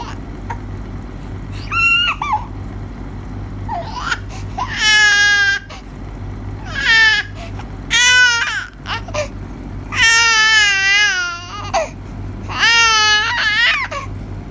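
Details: An infant pretending to cry, not a real cry: short, whiny cry bursts with pauses between them, rather than real distress.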